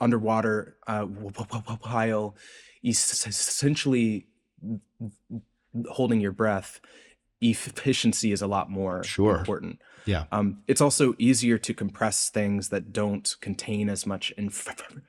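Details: Adult man's real, self-reported speech impediment, present throughout the interview; this clip has word repetitions, with sound repetitions and prolongations heard; stuttering (disfluent speech).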